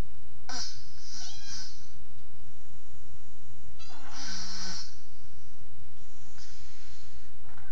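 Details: Snoring heard as recurring hissing, rattling breaths about every three to four seconds over steady background hiss.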